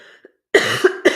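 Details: Adult speaker coughs while talking, then excuses themselves to drink something.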